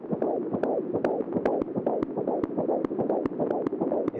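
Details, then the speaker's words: The speaker's son's fetal heartbeat, recorded in the womb the first time the parents heard it: rapid, regular whooshing pulses at about 146 a minute, as by Doppler. Fetal heartbeat. "babies have no heartbeat you can listen to my sons that was was recorded in the womb is the first time we've ever heard it"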